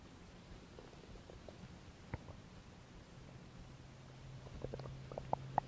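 Soft gurgles, low rumbling and small pops from the belly against quiet hiss; ordinary stomach growling.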